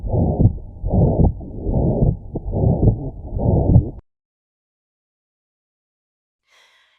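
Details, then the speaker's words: Ventricular septal defect, a left-to-right shunt between the ventricles: low-pitched heartbeats with a loud, harsh murmur filling each beat. "You can hear an example of what a ventricular septile defect sounds like here in this audio clip."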